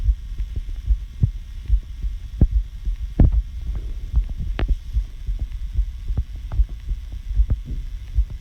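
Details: Own heartbeat recorded close up for detail, not rhythm; they ask whether it sounds healthy: low, regular thudding heart sounds at about 74 beats a minute over a steady low hum.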